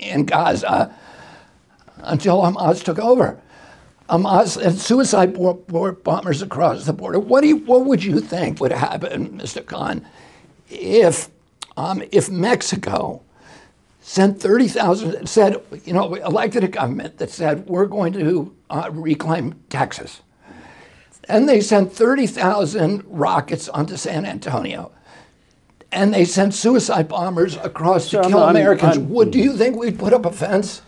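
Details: Spasmodic dysphonia in an adult male whose voice was strong until age 42, following a neurological injury in 1996; he attributes his voice to the brain sending wrong signals to the vocal cords, not to the vocal cords themselves.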